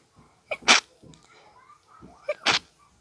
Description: I had a tickle in my nose which turned to a quite intense sneezing fit which I tried to stifle the best I could! Thank you, allergies!